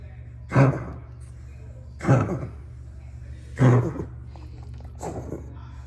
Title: Chico’s cough